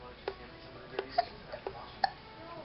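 Five short, sharp voiced catches in under three seconds, irregularly spaced, in a quiet room; hiccups.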